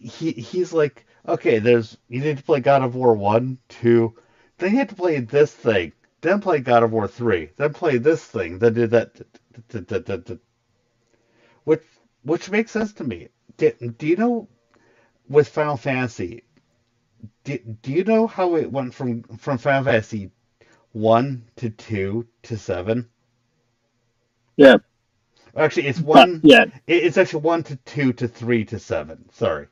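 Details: Stuttering in an adult man who describes a very large stutter he controls to a degree after a lot of voice therapy, though he still stutters.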